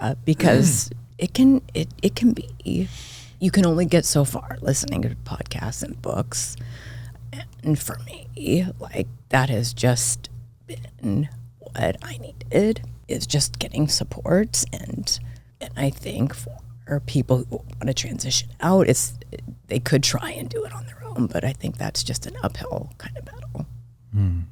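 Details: Adult woman diagnosed this year with spasmodic dysphonia; she attributes it partly to voice overuse and partly to stress, and says it is occurring during this recording; finding: spasmodic dysphonia.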